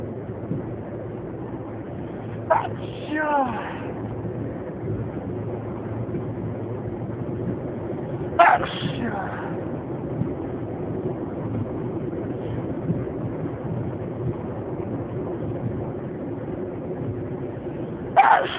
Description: Today morning was a day full of sneezes...I recorded some of this desperate sneezing fit....enjoy